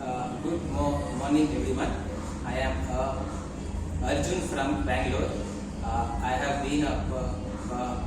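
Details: Adult male who stammers, speaking English in an interview about his stuttering.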